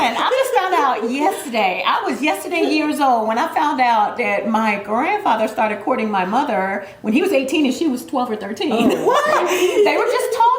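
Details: Adult woman speaking; normal speech.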